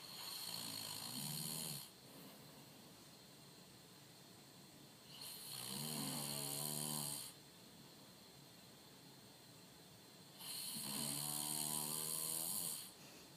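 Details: Three long, loud, rattling snores on slow in-breaths, about 13 breaths a minute, with quiet pauses; loud snoring in a man.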